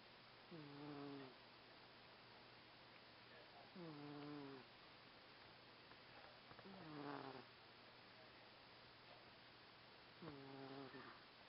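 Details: Sleeping cat snoring: four soft, rough, voiced snores about three seconds apart over a steady room hum.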